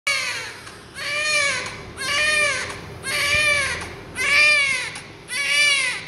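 Five rhythmic, high-pitched wailing cries about a second each, separated by brief breaths; a typical newborn cry.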